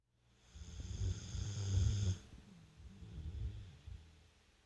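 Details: Sleeping American bulldog: a loud, low rumbling snore on the in-breath, then a softer snore on the next breath; snoring.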